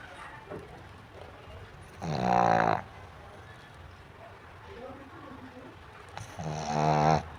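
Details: Sleeping pug snoring: two loud, buzzing snores with quiet breathing between them, typical of a flat-faced dog.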